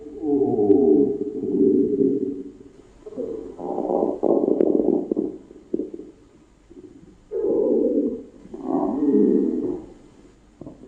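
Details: Normal bowel sounds.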